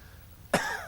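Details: A single sharp cough from an adult with asthma, who is extremely allergic to cats and describes audible wheezing, breaking a quiet moment and trailing off briefly.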